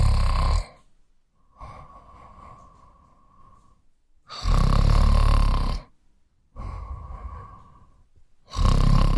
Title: Male snoring soundeffect